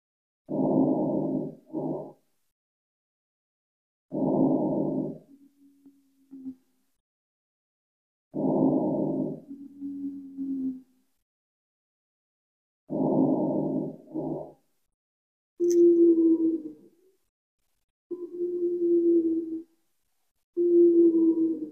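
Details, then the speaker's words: Recorded auscultation with a stethoscope: breath sounds about 12 a minute, later breaths carrying a steady musical whistle; wheezing in asthma. "all right so you guys get the picture right so those are different types of sounds you'll hear and varying degrees of asthma"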